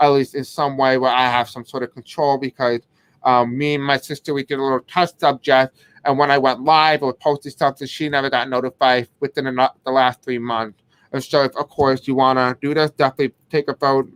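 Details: Adult man with a deaf accent who may have difficulty pronouncing certain words; deaf speech.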